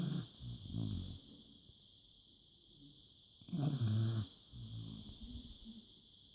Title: Snoring dog